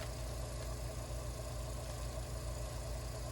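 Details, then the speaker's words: Suction machine switched on just before tracheostomy suctioning in a step-by-step procedure demonstration: steady low motor hum with fast, even pulsing. "e my suctioning tubing ready to go turn on my suctioning machine my water is ready my peroxide is ready"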